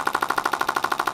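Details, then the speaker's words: Shockwave therapy wand passed back and forth across a woman's abdomen during a pelvic health physical therapy session: rapid, even mechanical tapping at about 13 pulses a second. "that same increase in tissue density sensitivity that I was feeling with the cup same thing I'm feeling it through the wand so it's even diagnostic for us"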